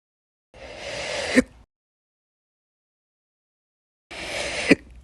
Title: 7/4/23 and 7/7/23, Slow Hiccups (Last Slow Hiccups Video on this channel)